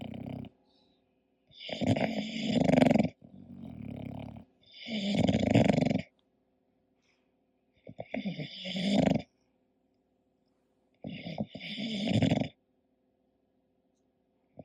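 Loud, harsh snorting snores in both breath phases, with wheezy snuffles between; noisy sleep breathing typical of a flat-faced dog.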